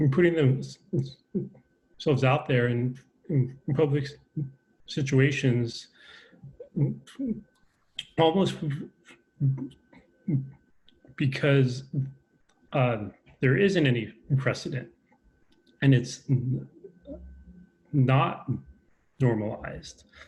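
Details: Adult man with a lifelong stutter, a real person who stutters, speaking in a conversation; stuttering.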